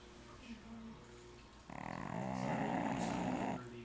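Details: Pug dog snoring: quiet snuffling, then a loud, buzzing, rattling snore typical of a short-nosed dog.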